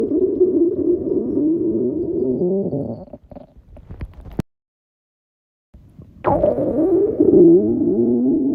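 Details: Girls' stomach growling: long, loud, low gurgling and rumbling with a gliding pitch, pausing briefly then resuming; ordinary borborygmi.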